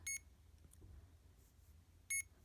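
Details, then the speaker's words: CADD Legacy infusion pump for pulmonary hypertension medication (epoprostenol/Remodulin), Start/Stop held down after priming line to review settings: short high-pitched electronic beeps about two seconds apart over quiet room hum; infusion pump beeps. "now you're ready to review the pump settings so you're going to press Start stop and then you're going to hold it down it will beep three"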